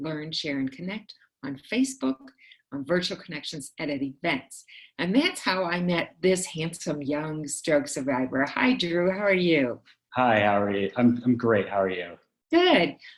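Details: Adult woman speaking, with a brief reply from a second adult; typical speech.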